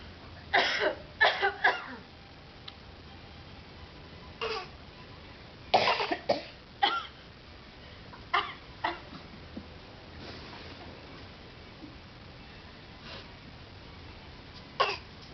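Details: Young child imitating coughing, making about ten short, forced cough sounds in small clusters; imitated cough.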